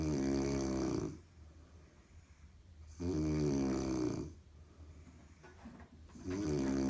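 Loud, steady snoring about 19 breaths a minute, a deep buzzing snore on each breath with quieter pauses between.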